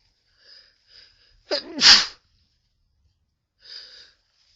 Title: Sneezing Into A Tissue